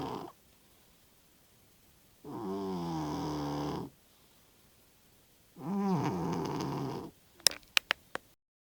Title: Cat Snoring Like an Express Train